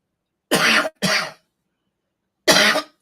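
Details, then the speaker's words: Dry cough from an adult live-streamer, who says COVID affects them every time they talk, with a feeling of being about to retch and then a dry cough, pausing to breathe. "the covet [ __ ] me up every time I'm trying to talk it's like I'm about to hurl then I gotta catch myself but then it's like a dry cough I don't know what it is"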